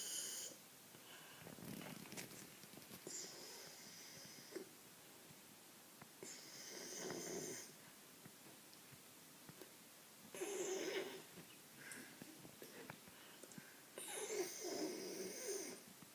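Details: Labrador snoring during an afternoon nap: soft, airy, whistling snores about every four seconds, roughly 15 breaths a minute, with slight room noise.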